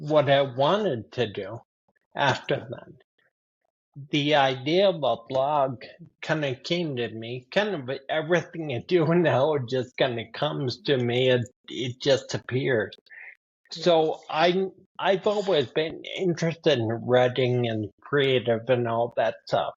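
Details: Man with spinocerebellar ataxia type 15 (SCA15), a rare progressive neurodegenerative disorder; speech worsening since his early 40s; ataxic dysarthria.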